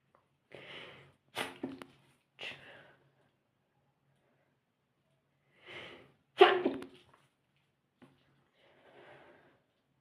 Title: stifle sneezing